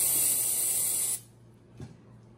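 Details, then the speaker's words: Vapocoolant cold spray on the toe of a man with a toenail ingrown on both sides and early ram's horn nail, before a numbing injection: a steady hissing spray for about a second, then quiet. "so let's get you numbed up first and then a little cold spray bee sting oh paper gumbo and i put i'll put extra cold spray for you all right here we go guys"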